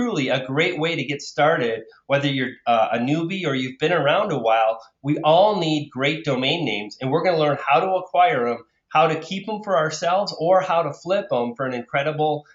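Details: Adult man speaking; normal voice.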